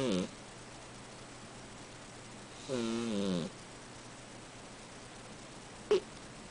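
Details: Eight-year-old cat snoring during sleep: short, rough, buzzing breaths at long, irregular gaps, with a brief snort at the end.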